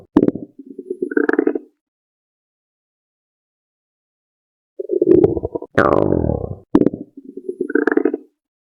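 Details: Normal bowel sounds on abdominal auscultation: gurgling, rumbling sounds in two bursts separated by a quiet pause.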